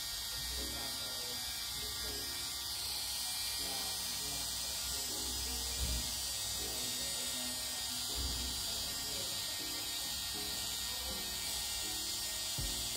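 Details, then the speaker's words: Continuous high hiss and buzz of a small rotary podiatry drill, faint music behind, used during removal of a tiny, very painful corn on the side of a toe in a patient with Morton's neuroma. "you're doing really well for the lesion being really really painful what i'm gonna do is just use a drill"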